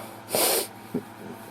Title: A Massive Sneeze! Mini Vlog #211